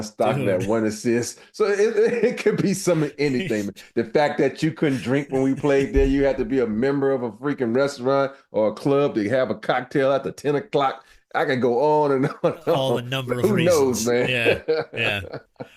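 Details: Adult man speaking; normal conversational speech.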